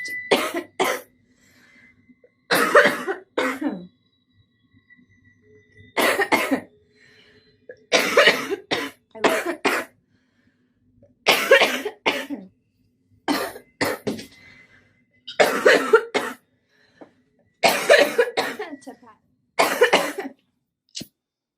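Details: Harsh coughing fit of a smoker in the morning, coughs in clusters of two or three, about 19 coughs in 20 seconds.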